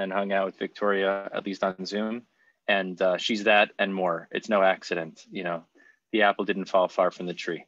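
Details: Adult male speaker; typical speech.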